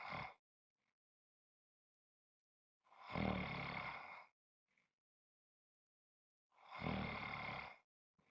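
Loud rough snores on each inhalation, about every four seconds with silence between: heavy snoring.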